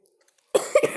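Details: Brief cough from a girl who is slightly ill, recorded while playing Roblox: after a quiet moment, a single sharp cough breaks into a short two-part burst.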